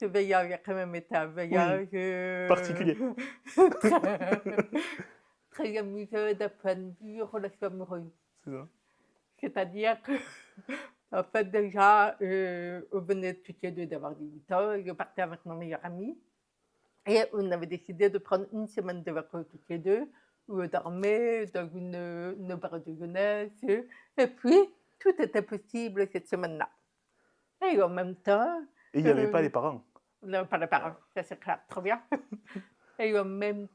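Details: Adult woman with profound congenital deafness (diagnosed at 9 months, doctors said she would never speak), who has never heard her own voice and learned to speak through about 20 years of speech therapy and lip-reading; deaf speech.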